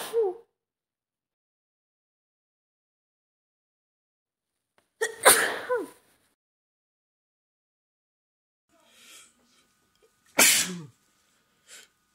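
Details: Adult man and woman both sick at home with colds, congested with stuffed, runny noses: several sharp explosive sneezes separated by silence, with a sniffle between.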